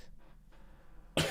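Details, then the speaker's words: Quiet room hum, then one sudden loud cough from an adult while streaming, cut off mid-sound. They are congested and need to blow their nose: a single cough. "Now you can hear me coughing. Great."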